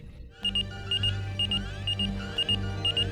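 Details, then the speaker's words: Simulated patient monitor alarm in a TV drama (Star Trek) scene during spinal surgery, patient later going into cardiac arrest; repeated high paired electronic beeps over background music. "And everything looks good at first, but then things start beeping."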